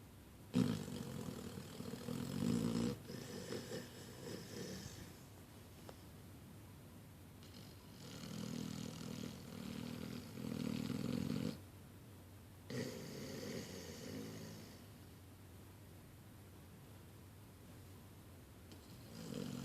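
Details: Puppy snoring while napping alongside people and a cat: rumbling, throaty snores in long bursts separated by quiet pauses.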